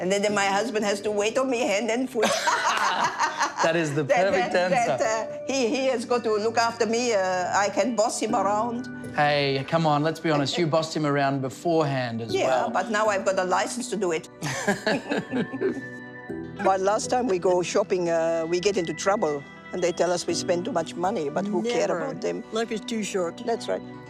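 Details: Australian woman who has had foreign accent syndrome for six years after a massive stroke, with her accent shifting from broad Australian to Italian; foreign accent syndrome.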